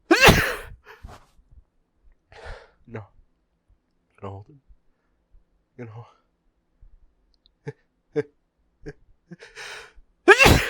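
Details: Huge sneezes with hitching buildup: a loud sneeze, then catching breaths and broken attempts to talk and hold it back, building to a second big sneeze.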